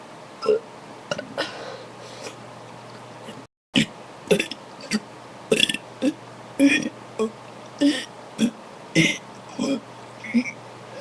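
A run of loud, irregular, gulping burps, roughly one a second, over room noise.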